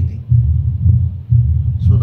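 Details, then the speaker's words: Patient with pure, uncomplicated mitral stenosis, stethoscope bell, tilted to the left with breath held after breathing out: low-pitched, rough, rumbling mid-diastolic murmur that becomes louder late in diastole (presystolic accentuation). "And there is a mid diastolic rough rumbling murmur which becomes louder at the end. Okay. This murmur is best heard with the bell because it is a low pitch mber."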